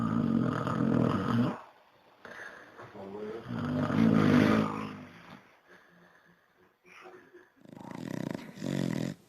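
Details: Sleeping pet (Pepe) snoring: loud, rumbling snores on each breath with softer whistling and snuffling between them: snoring.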